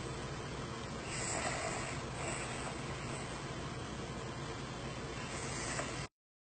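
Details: Dog asleep snoring; snoring sound recording also played back to the dog.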